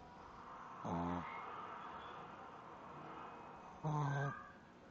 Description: My Shih Tzu snoring while sleeping =]